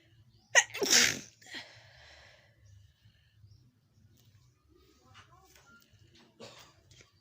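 A sudden sharp sneeze, then a softer second burst and quiet breathing sounds with faint background noise.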